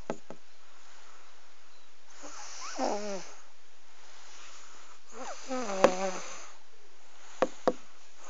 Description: Cute snoring baby